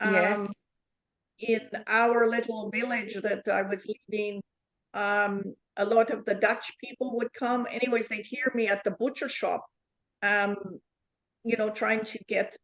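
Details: Woman with foreign accent syndrome since a neurological event in July 2010; her accent shifts between varieties; also aphasia, apraxia and comprehension difficulties; reports no control of her tongue and gibberish under stress; foreign accent syndrome.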